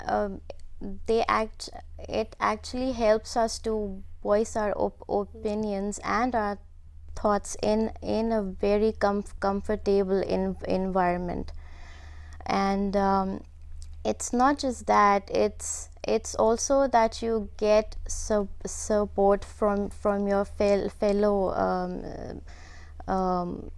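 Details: Woman who stammers, a member of a stammering association, speaking in a TV talk-show interview; stuttering.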